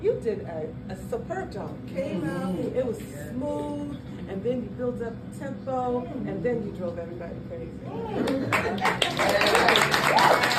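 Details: Adult speaker, likely female, with audience; normal speech.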